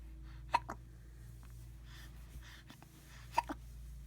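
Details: 8-week-old infant hiccups: two sharp, brief hiccup sounds about three seconds apart over steady low room hum.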